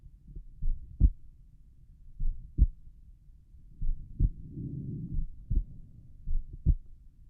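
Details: Relaxed normal heart sounds over the pulmonic area: slow paired lub-dub beats at about 40 to 45 per minute, with a brief rustling noise.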